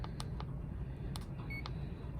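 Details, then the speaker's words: CADD Solis infusion pump in-service, programming a morphine PCA with a 1 mg PCA dose: soft key clicks and a short electronic beep over low room hum as the pump keypad responds. "So PCA dose, maybe I'll make that a 1 milligram. So I'm going to select and go up to 1 milligram."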